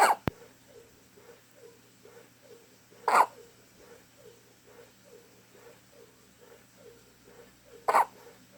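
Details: Three abrupt short hiccup sounds several seconds apart, between soft regular breathing sounds; hiccups.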